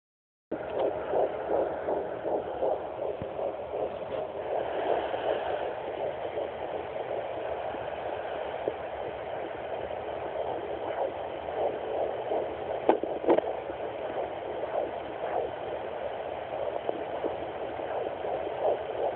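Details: Rapid, whooshing, galloping fetal heartbeat heard through a handheld fetal Doppler at 11 weeks of pregnancy.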